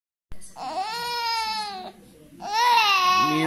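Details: Infant crying in two long, loud wails with clear pitch and a brief pause between them, with a violinist playing "Dance Monkey" to calm the baby.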